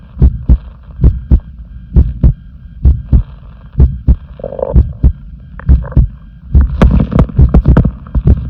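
Strong, steady paired heart thumps at about 65 beats a minute, with faint background noise.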